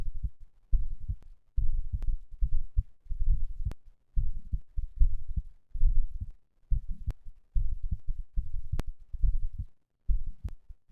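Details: Heart sounds recorded after exercise, the third such recording: steady, strong, muffled low thumps in a regular rhythm with occasional faint clicks; normal heart sounds.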